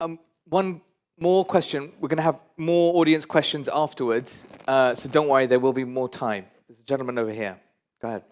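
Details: Adult male speaker; Normal voice.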